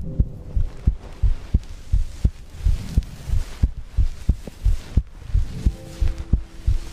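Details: ASMR recording of heartbeat and breathing: steady low thumping heartbeat about 90 beats a minute with faint hum and breathing noise behind; normal heartbeat.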